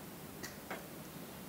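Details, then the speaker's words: Two faint plastic clicks over steady hiss: a corpuls3 capnography CO2 sensor snapping into its measuring cuvette, prepared for a spontaneously breathing patient. "It is important here that the arrows on the sensors point forward and that the triangle on the sensor fits into the triangular recess on the cuvette. And now when we push this together you can hear how it clicks into"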